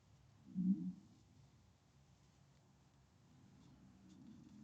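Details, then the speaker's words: Adult's stomach growling loudly while talking: a brief low gurgling rumble, then a fainter drawn-out rumble. "Can you hear my stomach growling? I sure hope you guys can't, because it's really growling pretty loud."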